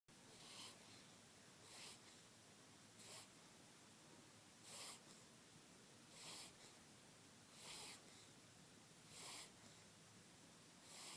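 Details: Light snoring: quiet, regular, noisy snorting breaths about 40 a minute against faint room noise.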